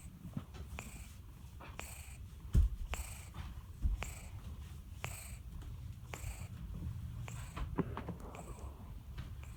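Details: Sleeping cat named Tin Tin: soft, regular snuffling breaths, slightly noisy through the nose; gentle, harmless snoring.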